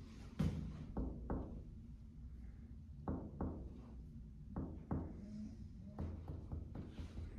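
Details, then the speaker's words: Lung percussion on a volunteer student along parasternal, mid-clavicular, axillary, scapular and paravertebral lines: series of hollow finger-tap knocks seeking the lower lung border, where the resonant note turns dull. "Next one, you should perform percussion along the parasternal region, mid-clavicular region, anterior, mid, and posterior axial line, scapular line, and paravertebral line."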